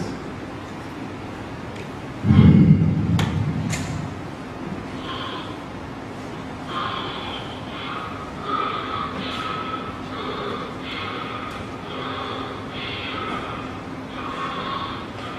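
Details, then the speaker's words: Sudden loud snorting gasp breaking a quiet stretch as breathing stops and resumes in a snoring adult, typical of obstructive sleep apnea; snoring with gasping. "This indicates the restless sleep. Obstructive sleep apnea can lead to heart problems, high blood pressure, insulin-resistant diabetes, increased traffic accidents, stroke, maybe that will see one after the other."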